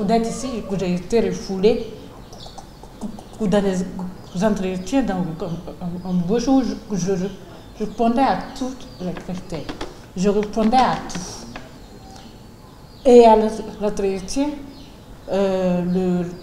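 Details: Adult woman, a public works technician in Côte d'Ivoire, speaking French, with stuttering.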